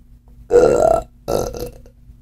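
Two loud, drawn-out throaty burps in a quiet room, a normal belch.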